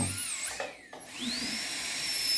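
High-pitched whine of a high-speed dental drill, briefly easing off and then speeding up again, in a small room.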